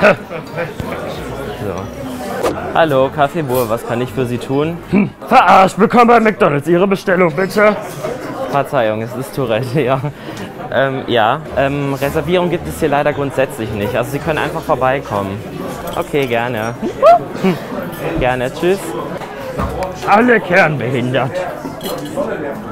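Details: Man with Tourette syndrome working as a waiter in a café, taking a phone call and seating guests; an inappropriate vocal tic phrase intrudes into his speech. Vocal tics (Tourette syndrome).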